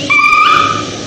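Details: Inspiratory stridor in a dog or cat with laryngeal paralysis, with inspiratory effort and voice change.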